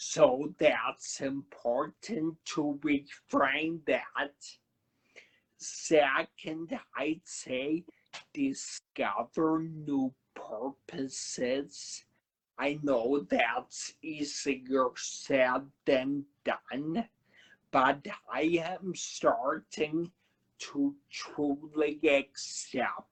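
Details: Adult man who had a cerebellar stroke at 35 in September 2013, could not talk at first, has a paralyzed vocal cord (permanent laryngitis-like) and aphasia; finding: dysarthria with dysphonia after stroke.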